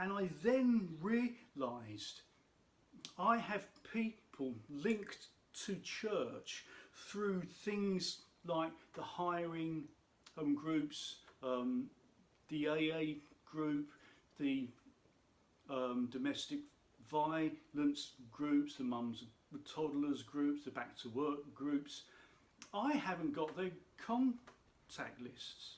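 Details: Adult man who states he has a stammer, which he says can be heard in his speech; stuttering.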